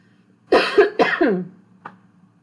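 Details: Adult woman with dystonia, on day 4 of a Neupro patch, whose asthma flared after exposure to fresh-cut grass: two short, harsh coughs in quick succession, then a faint throat sound.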